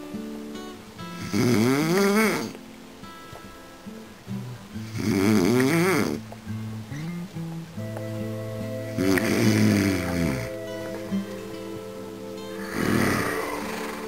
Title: Snoring man